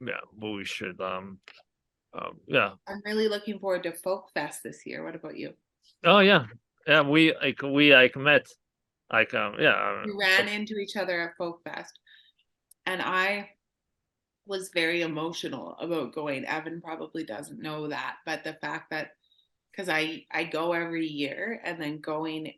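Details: Adult speaker in conversation; conversational speech.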